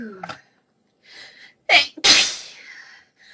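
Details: Sneezing fit with some coughs: a sharp, hissing sneeze after a short intake of breath, with smaller puffs around it.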